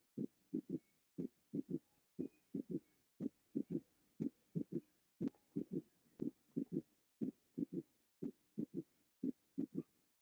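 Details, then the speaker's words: Regular heartbeat near 60 a minute with a soft third heart sound after each second sound, occurring after systole: an S3 ventricular gallop. "no después de la fase sistólica de el s1 s2 y ahí podemos encontrar el tercer ruido"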